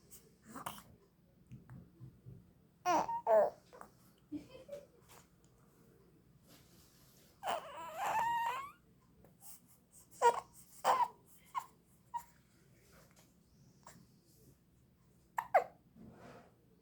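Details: 51-day-old newborn hiccuping while lying on a reverse-incline baby cushion: brief, sharp hiccups at irregular intervals, with a short coo between them.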